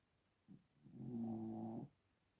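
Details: Sleeping pet snoring: a single short snort, then one low, vibrating, rumbling snore in a quiet room.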